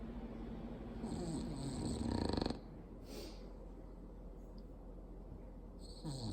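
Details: Female bulldog snoring loudly while asleep; a loud, rough, rattling snore with a fluttering low noise on each breath, typical of a flat-faced breed's noisy airway; snoring.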